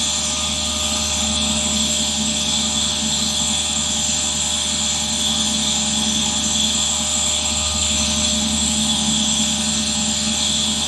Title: ASMR Nebulizer Sound 4K 1 hour